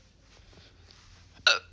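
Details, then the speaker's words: Hiccup bout lasting almost 3 minutes, recorded on a phone while doing laundry: quiet room, then one sudden, sharp involuntary 'hic'. "this is pretty long one this is almost 3 minutes of hiccups you guys you got a good one today"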